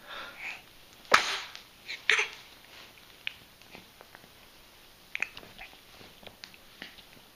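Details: Two sharp, explosive sneezes about a second apart, then faint sniffing and small clicks in a quiet room; sneezing.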